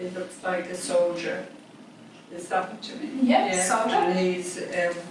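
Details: Person with chronic post-stroke aphasia taking part in Constraint Induced Aphasia Therapy group, describing a picture card using speech only; aphasia.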